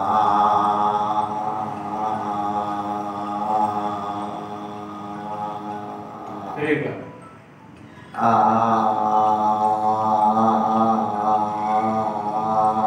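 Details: Adult male patient sustaining a vowel during voice therapy; Puberphonia (voice therapy with laryngeal pressure).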